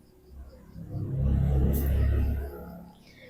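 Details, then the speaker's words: Mooimom M3 wireless hands-free electric breast pump in expression mode at level 9 (about 290 mmHg): a low motor hum swells into one long, steady suction pull of about 1.5 seconds, then eases off. "untuk tipe pij E tipe perahnya dia tuh dihisapan panjang seperti"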